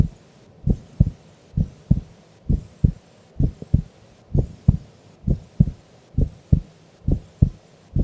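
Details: Female recorded asleep during an afternoon nap: steady paired lub-dub heart thumps at about 67 beats a minute, no added noise between beats; normal heart sounds.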